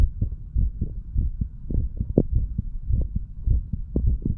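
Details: Self-recorded heart sounds of a 35-year-old male, standing, auscultated over mitral, tricuspid, pulmonary and aortic areas and right ventricle area; fast, somewhat uneven low thumps about 105/min with background hum, no clear extra sounds; normal heart sounds.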